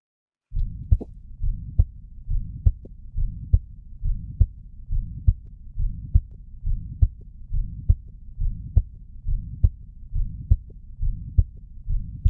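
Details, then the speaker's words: Ventricular septal defect: regular heartbeat near 69 a minute with a harsh pansystolic murmur heard all over the precordium; the smaller the defect, the louder the murmur. "All right, this is a pansystolic murmur heard all over the precordium. Small defect, louder the murmur."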